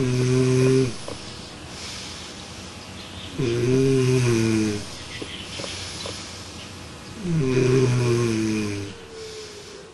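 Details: Snoring demonstrated with a Smart Anti-Snore Pillow, which detects snoring and shifts left and right: loud, low, rattling snores on breathing in, about three in ten seconds, with quieter breathing out between; snoring.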